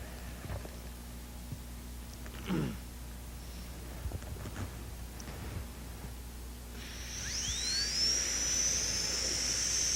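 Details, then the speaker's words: Thin 6999 diamond in a high-speed dental handpiece slicing the interproximal area of a maxillary second premolar prepared for a porcelain-fused-to-gold veneer: steady hiss with rising high-pitched whine as the drill spins up and cuts. "if you're careful you can slice this very easily without cutting the adjacent tooth"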